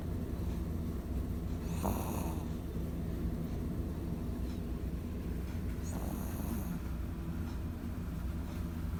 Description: Pipoy the shih tzu snoring loudly while he sleeps on the bed.